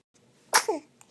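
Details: Baby boy, a day shy of three weeks old, asleep, wakes himself up with a single sharp sneeze: a quick burst of air and a brief voiced catch in a quiet room.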